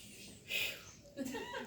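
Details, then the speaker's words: Vocal imitation of a stenotic heart murmur in a health assessment class: a breathy whoosh or "squish" representing turbulent flow through a narrowed valve opening during systole. "Something like that, squish or something like that. There's many different ones, right, depending on the severity. But that's so it's pushing it through a narrow opening, creating a sound."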